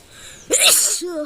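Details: A quiet lead-in breath, then one loud, sharp, hissing sneeze burst and a brief voiced sound; a single sneeze recorded outdoors.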